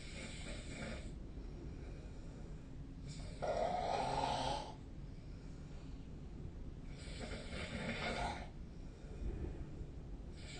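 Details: Night snoring recorded 2025-03-23, with the SnoreLab snore app mentioned: regular snorting snores over a steady background hiss, about 15 breaths a minute, some with a rough fluttering rattle.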